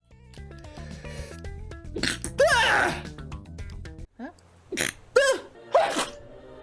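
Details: Compilation of repeated sneezing in one person: several explosive sneezes, some with a voiced rising-falling cry, over loud background music.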